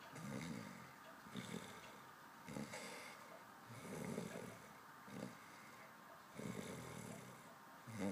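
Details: Snoring: low fluttering rattles with each breath, about 16 a minute, in a steady snoring rhythm.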